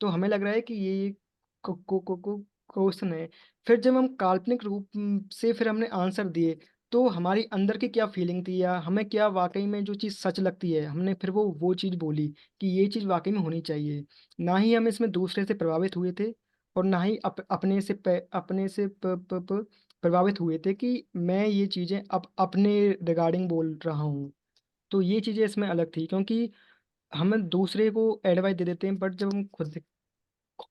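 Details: Stuttering in a man speaking Hindi at a stammering support group, with part-word and whole-word repetitions; he says he will use bouncing and prolongation techniques.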